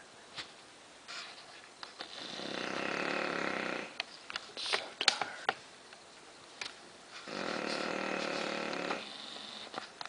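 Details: Tired Bulldog laid out asleep after a rough day, tongue hanging out, snoring very loudly on two long rattling breaths with quiet snuffling between; snoring.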